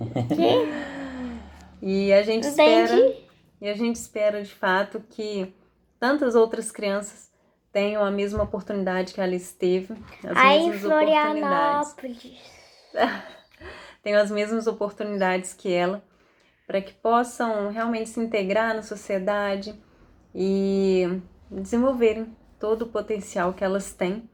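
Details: Adult woman speaking Portuguese; typical adult speech.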